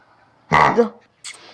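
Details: Dog with kennel cough: one harsh, honking cough, typical of this infectious airway irritation.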